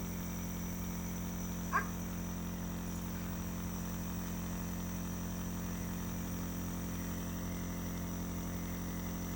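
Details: Steady low hum of a home nebulizer compressor with a constant motor drone and one brief faint squeak early on, running while a young girl with a cold inhales medicine through a mask.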